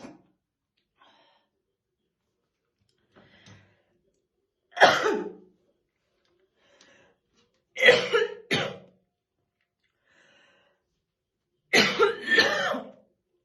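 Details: Woman's real, unacted smoker's morning cough while slowly brushing her hair: four harsh, deep coughs in short bursts with quiet breaths between; smoker's cough.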